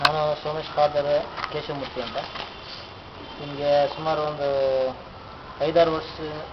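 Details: Adult man speaking; no speech disorder.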